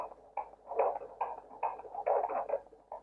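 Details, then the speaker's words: Fetal heartbeat on handheld Doppler, heard high near the umbilicus because the head is high; counted for one minute: rapid rhythmic whooshing pulses at 140 beats per minute, normal. "Bagus Bu ya 140 kali per menit nah oke"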